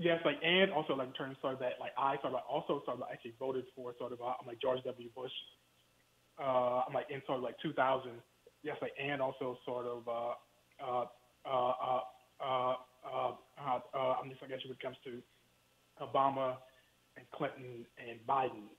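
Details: Stuttering in an adult male professor speaking in a phone interview, who has told the host that he stutters.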